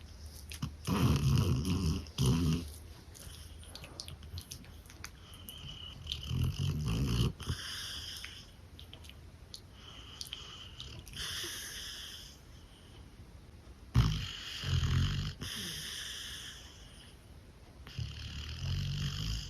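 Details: Dog Camper resting on a couch: irregular low rumbling breaths with snorting bursts; snoring.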